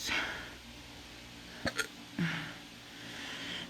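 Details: Hiccups in an adult who says they are under the influence: a few short, sharp hiccup sounds over quiet room noise.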